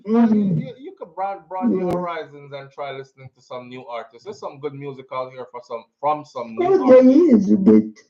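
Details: Adult speaker, likely a caller on a radio or talk show; Normal speech.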